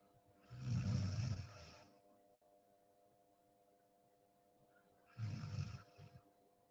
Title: Deep sleep 😴 sound on 😁 snoring sound 🤣 #deepsleep #sleep #sleeping #snoring #room